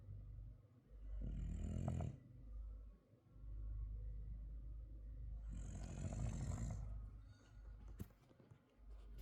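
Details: Frenchton dog asleep: deep, rumbling snores with a fluttering rattle roughly every four seconds and soft noise between breaths; snoring.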